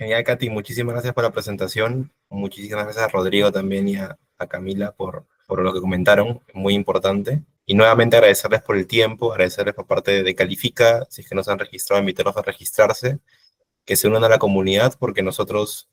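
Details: Adult male speaker; no disorder.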